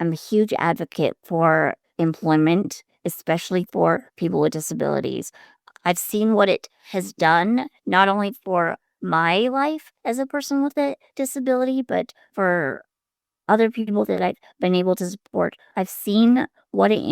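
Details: 42-year-old woman with a tracheostomy, attached to a ventilator that supports her breathing, who also uses a wheelchair; she says the ventilator's effect is slightly audible in her speech. Ventilator-assisted speech with tracheostomy.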